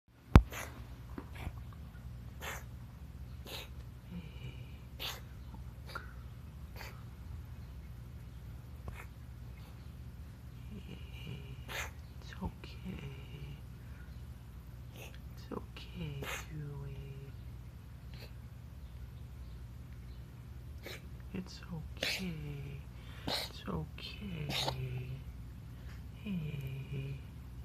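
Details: Yui, a pet, breathing noisily with sharp snorts and brief high whistling squeaks, consistent with wheezing.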